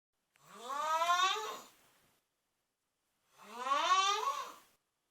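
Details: Cousin snoring loudly, sounding like a horn: two loud, tonal snores with rising pitch, each about a second and a half, separated by a quiet pause.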